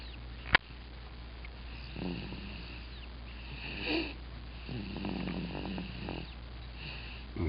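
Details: Baby asleep in a car seat, snoring loudly enough to be heard across the room: soft, quiet snoring sounds with a faint background hum and a click at the start.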